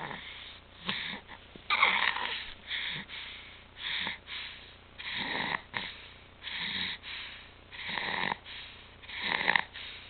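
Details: Stridor in a child whose apnea, stridor and retractions have returned after two good months, now back on apnea and pulse-oximetry monitors: harsh, high-pitched noisy breathing, rapid at about eight breaths in ten seconds.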